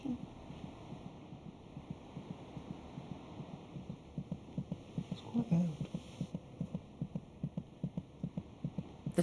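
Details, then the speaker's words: Rapid, steady muffled fetal heartbeat at about 150 per minute, roughly twice the mother's rate, felt more as a vibration; used to monitor the baby's general condition during the third trimester. "heart beats about twice as fast as the mother's monitoring the baby's heartbeat gives a good indication of his general condition it's more of a vibration"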